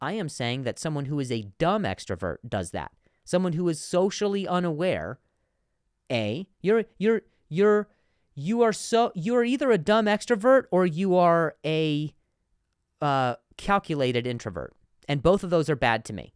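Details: Adult man who stutters, with repetitions of words and syllables, and says some words are harder to say on some days; stuttering.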